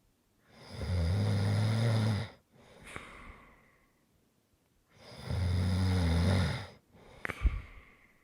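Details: Two loud, rumbling inward snores, each followed by a softer outward breath with a brief snort; snoring during sleep.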